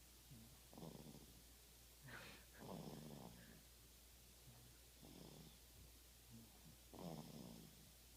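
Soft, rhythmic fluttering snores about every two seconds over a steady low hum. Snoring.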